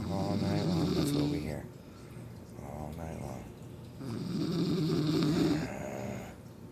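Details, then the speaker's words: Adult woman (sister-in-law) asleep, two long, loud, rattling snores on inhaled breaths with quieter breathing between, likened to a chainsaw or grizzly bear, keeping others awake; loud snoring. "who can sleep in the house when I got somebody [ __ ] snoring like a [ __ ] chainsaw well let me show you"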